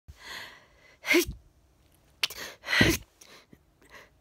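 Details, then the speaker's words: Long-awaited sneeze felt coming on all day, before bed: two sharp explosive bursts, each with a brief intake before, plus softer sniffles between them; sneezing. "that sneeze has been coming on all day i felt the sneeze coming on all day and i was waiting at my camera already"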